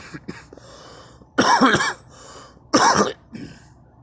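Two loud, harsh cough bursts with quieter throat noises between them in a quiet room.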